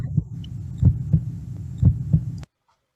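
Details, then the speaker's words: Simulated, computer-generated heartbeat with steady paired lub-dub thumps at about 60 per minute over a low hum, played as a demonstration example. "that's a beautiful sound right yeah okay so so let me teach you something that sound was a heartbeat right it was a heartbeat sounded like a heartbeat"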